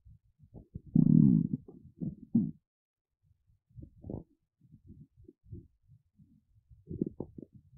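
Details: Woman's stomach rumbling, her belly described as hungry, empty and hollow; borborygmi, bowel sounds.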